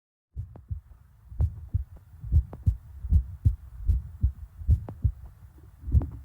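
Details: Heartbeat: steady paired low thumps at about 76 beats a minute, with soft low stomach rumbling between beats.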